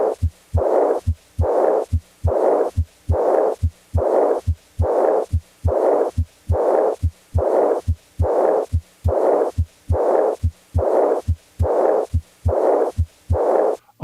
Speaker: an early diastolic murmur as in aortic regurgitation starts right after s2 without a discernable gap then usually fades into silence before the next